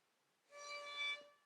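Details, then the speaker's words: Inhaler spacer in an inhaler-technique demonstration: a brief high reedy, accordion-like whistle produced when the breath in is too deep or forceful instead of five normal breaths, showing incorrect technique. "But the golden rule of these spacers that we've got here is that if you hear a noise, they're doing it wrong."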